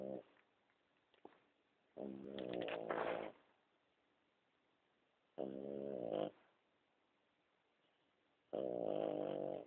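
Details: Snoring.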